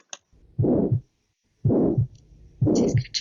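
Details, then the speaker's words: Pulmonary stenosis: three regular heartbeats, about 62 a minute, with a harsh systolic murmur that grows then fades before each second sound. "Y bueno, este sería el soplo que encontraremos en la auscultación."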